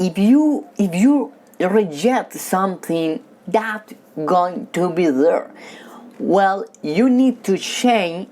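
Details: Man speaking about his own stutter and about accepting it; stuttering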